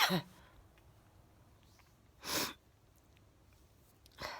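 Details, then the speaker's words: Run of three sharp, hissing sneezes with quiet between; the sneezer says they aren't really snotty though it sounds so, that sneezes keep coming, and that trying to stop them hurt the throat. "the thing i think the funny thing is when i'm sneezing i'm not really snotty it just it sounds like i am"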